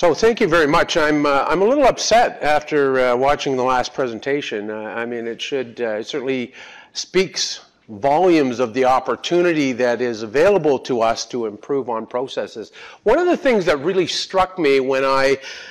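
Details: Adult man giving a talk; ordinary speech.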